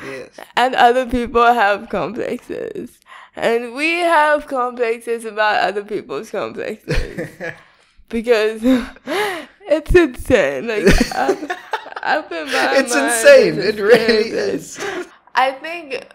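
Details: Dysarthria in a young woman with cerebral palsy diagnosed at 11 months old; she says her speech is not very clear.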